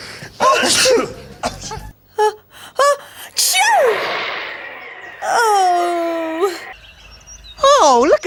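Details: Several short, sharp sneeze-like bursts with exaggerated gasping wind-ups and sung or spoken sounds, acted by characters for a children's show; simulated sneezing.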